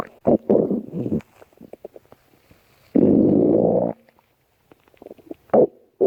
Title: stomach growling 2